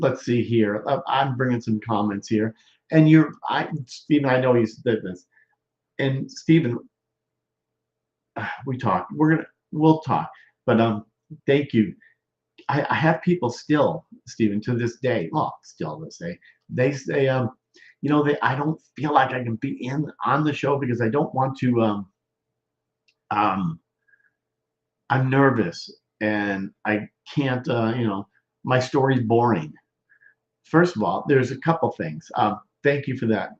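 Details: Male stroke survivor more than 13 years post-stroke with non-fluent aphasia; expressive (Broca's) aphasia.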